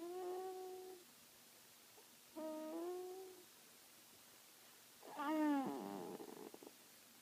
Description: Baby snoring like a baby owl